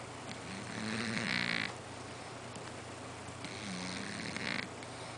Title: cat snoring on couch